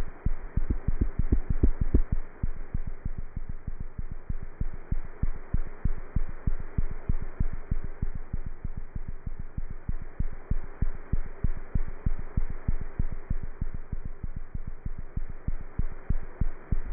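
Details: Cat's heart heard through a stethoscope: fast, steady thumps at about 190 beats a minute under a faint hum; cat heart sounds.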